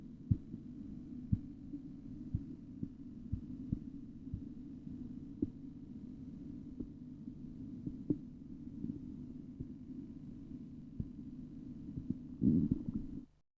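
Sharp tapping beats, about one a second, over a steady low hum: Korotkoff sounds during cuff deflation.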